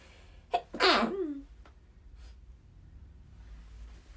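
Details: Japanese woman with runny nose attributed to house dust: a short catching breath, then one loud, explosive sneeze, followed by quiet room noise.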